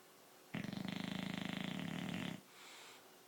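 One long, rattling snore lasting about two seconds, with rapid fluttering vibration throughout, followed by a quiet breath out.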